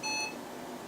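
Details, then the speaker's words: Surgical therapy laser handpiece with timer unhooked: a single brief high-pitched electronic beep in a quiet room as the laser will not fire because the hand switch is not held in. "it won't work you have to hold it in so you must have the check off always checked off and that's what controls the switch"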